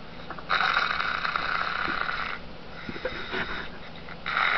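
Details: Man who fell asleep during a Skype call, snoring; rough, whistling snore breaths every few seconds with room noise between.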